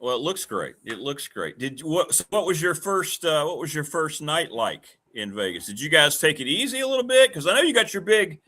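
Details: Adult man speaking; ordinary speech.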